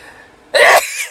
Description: Putting cayenne pepper on a q-tip burning nostrils and sneezing...then some movie talk